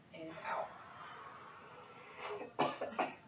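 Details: Brief coached forceful exhalation ending in about three short, weak cough bursts: self-performed head-flexion cough technique without therapist's hands; simulated 48-year-old female with T7 spinal cord injury, bilateral pneumonia, and ineffective cough.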